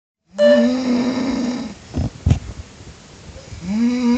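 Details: Tired adult woman (wife) asleep in bed, loud drawn-out humming groaning snores, a pause with a couple of sharp noises, then the same loud snore again; heavy snoring.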